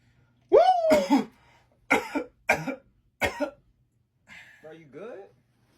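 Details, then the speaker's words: Acted comedy-skit cough: an adult gives a short voiced sound, then four sharp, forceful coughs, ending with a brief throat-clearing. "yeah bro I'm good this a little cough all right all right bro if you say so man"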